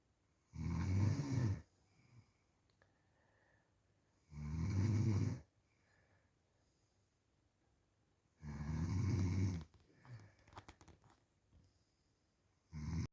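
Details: Snoring: loud, low, rattling snores with quiet gaps between them, about 15 a minute, in a quiet room.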